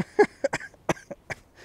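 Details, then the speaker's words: A quick run of short, dry-sounding coughs from an adult with a lingering cough after coming down with an illness while travelling. "yeah I'm also kind of sick can you hear that cough it's a lingering cough I came down with something when I was out there"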